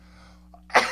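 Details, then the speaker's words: During a live stream, a man gives a faint catch of breath, then one sudden, loud, noisy sneeze over a steady low hum: sneeze. "excuse me do you hear that little sneeze i think that's the first time i've sneezed on all of these live streams"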